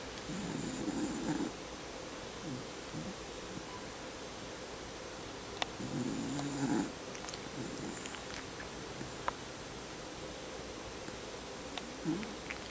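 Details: Soft, irregular rumbling snores with purr-like fluttering on breaths, against quiet room hiss and occasional clicks; snoring.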